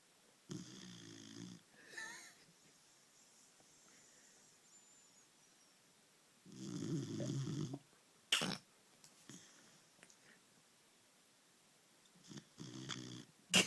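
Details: Sleeping 20-week-old female German Shepherd puppy: loud rumbling snores on inhalation at intervals, with a few quiet sniffs and brief voices; dog snoring.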